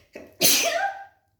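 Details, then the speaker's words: One adult sneeze in a quiet room: a short, sharp inhale, then a single loud, explosive burst with a brief voiced tail, fading within a second. "j'éternue et excusez-moi de jeu éternuer"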